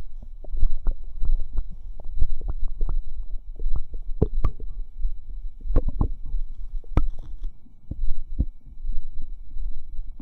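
Frequent low gurgles, pops and squelching bubbles with a faint steady hum behind them. Active normal bowel sounds.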